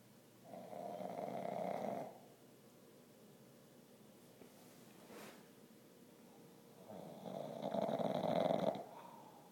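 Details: Pet asleep with head on owner's feet and a toy still in her mouth, snoring; two drawn-out, vibrating snores separated by a long quiet breath.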